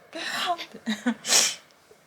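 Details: Adult father's single loud, explosive sneeze after quick gasping in-breaths, which startles his 2-month-4-day-old baby into jumping: sneezing.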